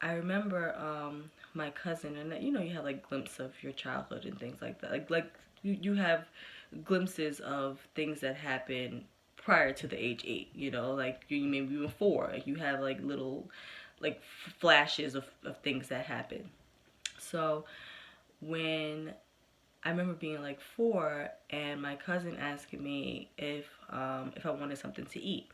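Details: Developmental stuttering in an adult woman, present since early childhood and persisting into adulthood, with good and bad days.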